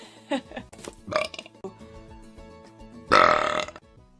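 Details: A girl burping: a loud, rough belch near the end after softer sounds, with music in the background.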